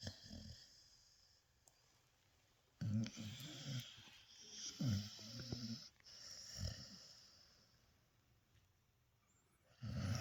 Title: Doggy Snoring